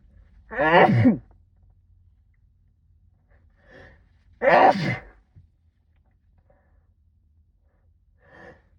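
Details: Two loud sneezes muffled into a sleeve, each followed by a quieter breath, in a quiet room; from a sixteen-minute sneezing fit brought on by cold weather.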